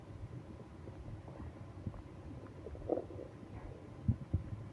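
Low irregular gurgles and rumbles over faint background noise, with a few louder bubbling bursts; bowel sounds of a growling stomach.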